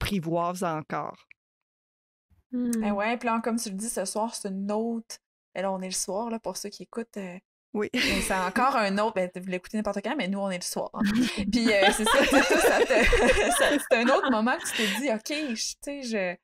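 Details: Adult woman speaking French; fluent speech.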